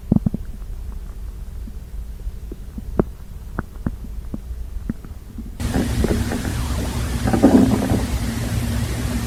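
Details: Gurgling, popping abdominal noises then a longer low rushing rumble after prune juice and dried fruit; active bowel sounds (borborygmi).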